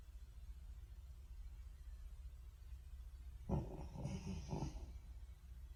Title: French Bulldog Sleeping And Snoring Sound Effect